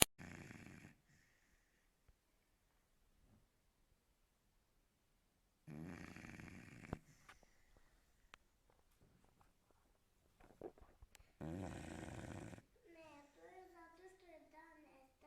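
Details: Three loud, raspy snores spaced several seconds apart from a sleeping American Staffordshire Terrier, with faint clicks and a whine-like sound between them.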